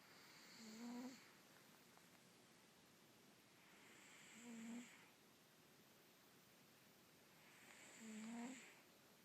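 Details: Russian Blue cat sleeping: soft whistling snores about every four seconds over steady background hiss; snoring.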